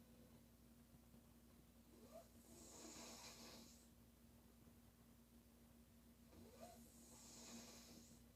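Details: Female sleeper snoring loudly: two long, harsh, hissing snores in about eight seconds over a steady background hum.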